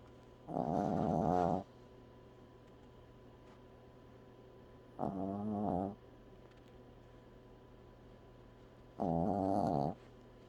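Three drawn-out, rattling snores about four seconds apart, roughly 15 a minute, with quiet room hum between them.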